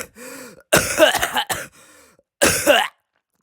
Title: Ideath challenge 8: I got sick in the making of this so excuse my coughing